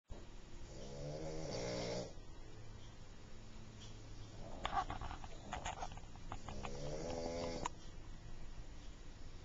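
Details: Sleeping pug recorded with a Flip Video camcorder: loud, rattling, droning snores with a tonal, whistling edge and snuffly breaths; snoring in a flat-faced dog.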